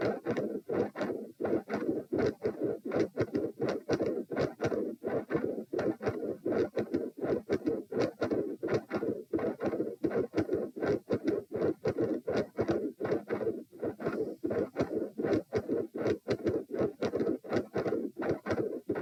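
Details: Heart sounds recorded at position p while standing: loud rough beats about 82/min with split S1 and S2 and murmur between beats, after the murmur fades in and out and changes pattern; possibly L-R pressure.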